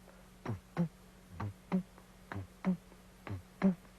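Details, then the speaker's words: Drummed imitation of a normal heartbeat rhythm, not a real heart recording: paired soft-loud thumps, about 63 per minute, steady; regular lub-dub of a normal heart rhythm. "Normally, when you listen to your heartbeat, you hear a rhythm that has been called a normal rhythm. And the rhythm usually sounds like this."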